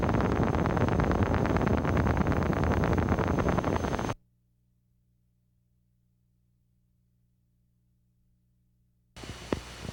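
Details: Needle EMG teaching recording: dense, crackling clicks like raindrops on a tin roof, then silence, from fibrillation potentials, a sign of muscle denervation; multiple fibrillations at different rates sound irregular.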